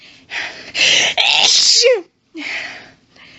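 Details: Woman sneezing while reading aloud, sneezes intense and violent: quick run of forceful hissing sneeze bursts with hitching breaths, a short pause, then another sneeze; a sneezing fit.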